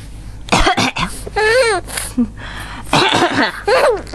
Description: i coughed and she thought it was hilarious.